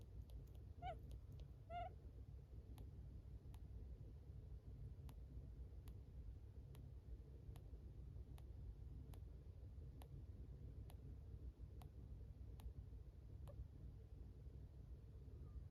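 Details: Two-year-old female budgerigar with thyroid goiter: faint, sharp, clicking breath sounds at roughly one-second intervals over low steady noise, with a few chirps at the start.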